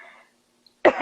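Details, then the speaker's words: Adult woman teaching during a live online class, hoarse from talking a lot after a long quarantine, denies coronavirus: after a brief pause, one short, harsh throat-clearing burst. "Acho que faz tanto tempo que eu não falo tanto, por causa dessa quarentena, eu tô ficando com um pigarro."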